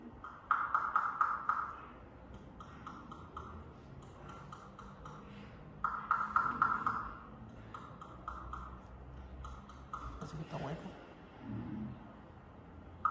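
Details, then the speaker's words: Dental percussion test for fremitus: quick instrument taps on teeth with patient in intercuspal position; canine 23 rings normally while premolars 24 and 25 sound hollow and altered, indicating fremitus. "Notará que el sonido es distinto. Aquí, preste atención, esto no es mirar, es oír. Ya, escuche cómo es diferente el sonido. 23 normal. 24 25 alterado."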